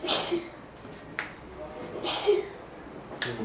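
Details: A 15-year-old girl with paroxysmal sneezing under hospital investigation (blood tests, brain and abdominal CT, throat exam) to decide whether the cause is organic or psychological: three to four sharp, forceful sneezes in quick succession.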